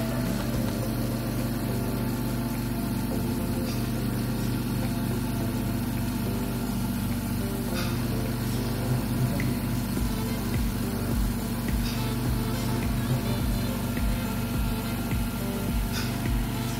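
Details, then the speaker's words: Oxygen concentrator switched on and set to its maximum flow of 5 L per minute for accumulator tank pressure testing: a steady low droning compressor hum with faint background music. "now I turn on the oxgen [Music] concentrator and inser the flet to the maximum flet so for this model the maximum L for is 5 L per minute"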